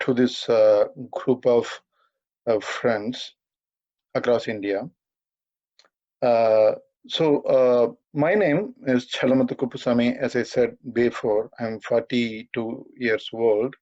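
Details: 42-year-old man who has stammered all his life, stammering occasionally while speaking; stuttering.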